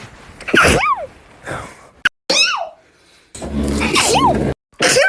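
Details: Several loud explosive sneezes cut together, some with a rising intake and a voiced 'achoo'; sneeze compilation.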